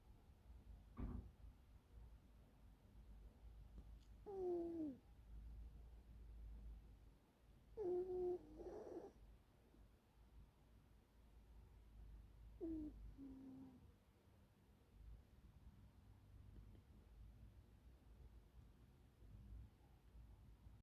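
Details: Sleeping cat with a faint low rumble and a few short, squeaky little snores every few seconds.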